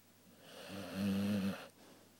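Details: Dog named Macy giving a single loud, rumbling snore on the in-breath during her morning nap.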